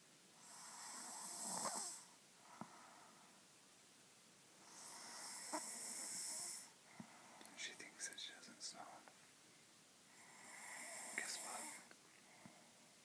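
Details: Three hissing, rasping snores on inhalation roughly every five seconds from a sleeping woman who thinks she doesn't snore; snoring.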